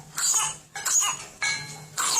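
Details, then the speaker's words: Whooping cough (pertussis) in a news report: four harsh, closely spaced coughs in a paroxysmal run, intense coughing that can be followed by a whoop or barking cough. "THERE'S A CHARACTERISTIC COUGH THAT'S QUITE INTENSE, THAT CAN BE FOLLOWED BY A "WHOOP" OR A BIT OF A BARKING COUGH."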